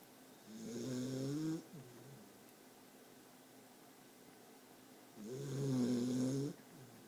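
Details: Newly adopted dog sleeping in owner's arms: two rattling, slightly whistling snores about four and a half seconds apart in a quiet room; dog snoring.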